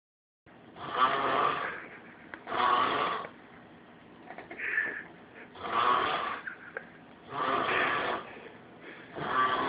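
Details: Adult man snoring during sleep on a weekend trip: loud, rough snoring on each inhalation, recurring every couple of seconds in a quiet room.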